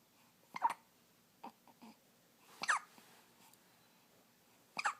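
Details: A baby's first hiccups: short, sharp hiccup sounds, a few over five seconds, with soft breathing between them in a quiet room.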